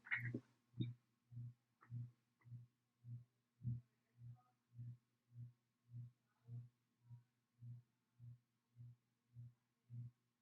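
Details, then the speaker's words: Student nurse cardiovascular assessment, stethoscope bell with light touch: regular low heart sounds about 105 beats a minute, no added sounds; judged normal. "okay do that again okay good so everything sounded normal"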